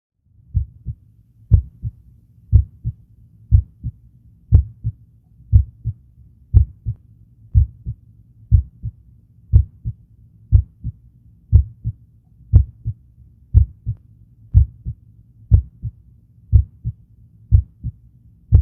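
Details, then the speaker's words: Normal heart sounds at the apex (fifth left intercostal space, midclavicular line, mitral area) in a healthy person: steady lub-dub near 59 per minute, first sound louder than second. "Перший тон слідує після довгої паузи, другий після короткої."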